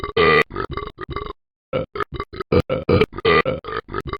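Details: A rapid series of short, deep, gurgling belches chopped into a rhythmic, music-like pattern, from an animated character; repeated burping.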